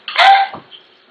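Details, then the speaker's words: Whooping cough (pertussis) example: a single harsh cough burst with a high squeaky edge, described as coughing in bouts for weeks or months, unable to catch breath. "when you get hooking you cough for weeks even months coughing comes in bouns that won't stop you can't get your breath you feel like you're coughing up your lungs"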